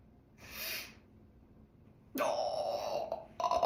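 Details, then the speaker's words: Person sneezing who feels stuffed and swollen in the face after being around a cat the day before: a breathy inward build-up, then a loud voiced burst and a second short burst. "Sorry. I sneezed all over myself. Okay. I was gonna sneeze, but I don't know what happened."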